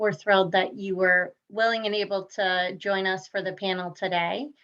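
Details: Adult woman speaking; Normal speech.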